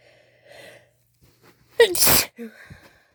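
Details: Sneezing induced by chhinkni (sneezing powder): a sharp in-breath followed by one loud, explosive, wet-sounding sneeze, then brief breathing.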